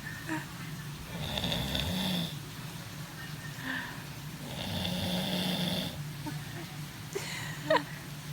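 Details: Adult relative (aunt) snoring while a baby laughs at her: rough, rattling snores on each breath in with quieter pauses between, the baby's brief laugh and room noise behind.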